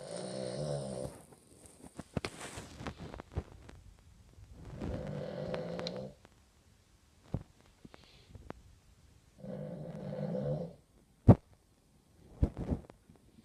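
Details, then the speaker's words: Female dog snoring extremely loudly in sleep: loud rattling snores on each breath, about three over 13 seconds, with quiet pauses and a few knocks between. "dog snores really loud. Yeah, she snores ridiculously loud."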